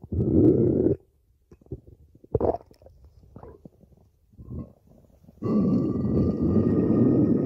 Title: stomach growling